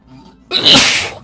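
A single loud, explosive, hissing sneeze after a brief quiet intake, then fading; an ordinary sneeze.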